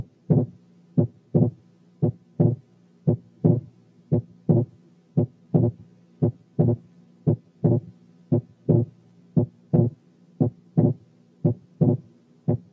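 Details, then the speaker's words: Wide but variable splitting of the second heart sound in right bundle branch block; regular heart sounds near 57 per minute. "رقم تلاتة كان wide but variable splitting of the second sound في حالة right bundle branch block،"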